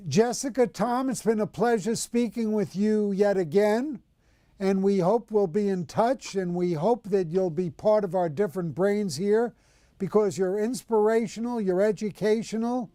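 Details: Adult speaker; normal speech.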